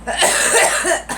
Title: Girl coughing